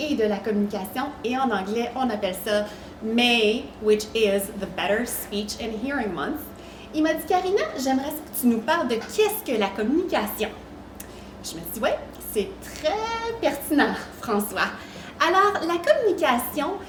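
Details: Adult women speaking French; normal speech.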